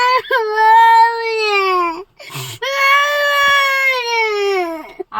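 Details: A young child crying: two long, loud wailing cries separated by a gasping in-breath.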